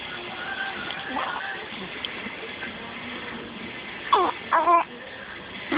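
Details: Infant cry from a baby with hiccups for the first time since birth: brief, fussy cries near the end, over soft background music and room noise.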